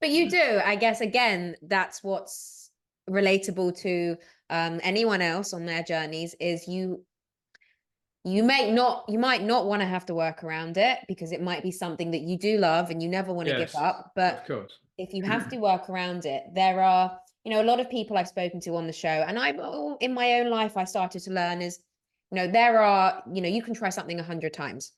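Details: Adult speaker; ordinary conversational speech.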